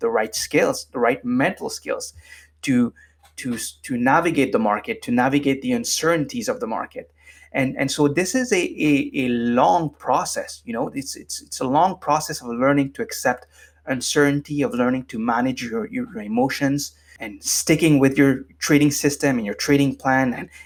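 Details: Adult man with lifelong stuttering, formerly severe, now managed with meditation so it is barely audible; stuttering.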